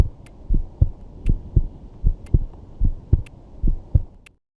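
Regular paired lub-dub heart sounds at about 77 beats a minute, with a low background hum.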